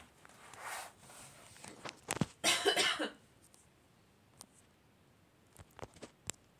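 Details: A person coughing in the background of a screen recording, with an apology for the cough sound.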